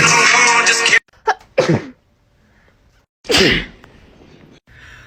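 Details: Sneezing compilation: loud music cuts off, then two short sneeze bursts and a later, louder sneeze, separate sneezes spliced together with quiet gaps.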